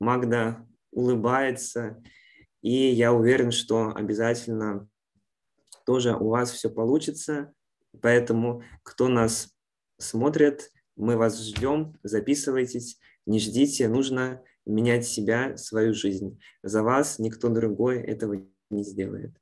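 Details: Adult male speaker; normal speech.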